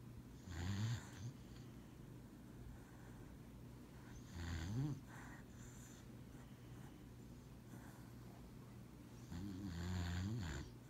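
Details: Dog snoring while napping on a lap: three soft snoring breaths, low rattling snorts over a steady background hum.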